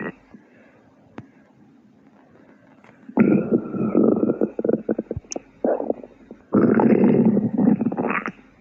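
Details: Stomach growling for the second time: loud gurgling and rumbling in bursts, with bubbly pops between quieter stretches; normal borborygmi.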